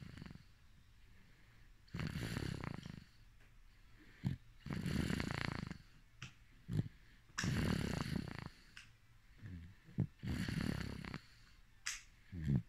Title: 🎧A.S.M.R | Baby snoring 😴 😴 😴